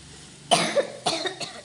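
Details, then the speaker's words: Adult woman coughing, a short run of about three harsh coughs; she says she caught a cough after bathing and wetting her hair in the cold. "നല്ല ചുമയാണ് കേട്ടോ."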